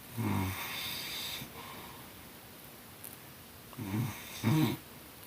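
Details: Snoring in harmony: low rumbling snore bursts, one long and two shorter, quiet room noise between; ordinary snoring.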